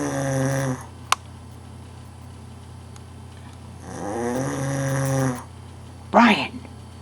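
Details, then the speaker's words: Adult man snoring during sleep, recorded by a companion: long, droning snores on the in-breath over a steady room hum, with a brief sharp noise between them; ordinary snoring. "hot just thought I'd let you see how you snore it's"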